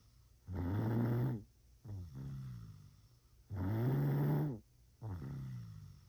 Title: How to snore lol #everyone #lifestyle #viral #comedy